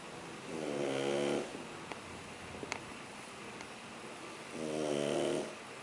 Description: Snoring Shar Pei puppy - Sugar!